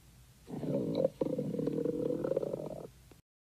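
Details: Two low, gurgling rumbles from the belly, a short one then a longer one. This is hunger-related stomach growling (borborygmi).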